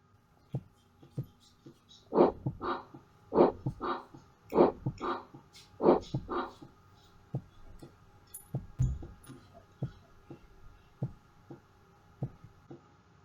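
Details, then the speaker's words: Carotid bruit from turbulent flow past a stenosis: pulsing whooshes with each beat over the patient's right carotid, then only faint heartbeat thumps over the left carotid. "this sound can be heard and is called a bruit listen to these crowded sounds on the patient's right you will hear a whoosh that is the brewery on the right"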